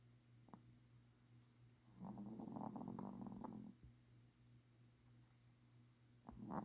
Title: Snoring...